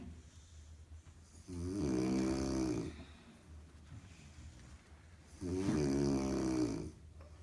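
Two long, rumbling snores on the in-breath, separated by quiet out-breaths; steady, vibrating snoring during sleep.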